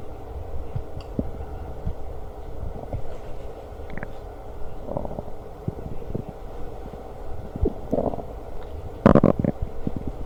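Deep gurgling rumbles and squelches throughout, with a louder burst near the end; ordinary stomach growling.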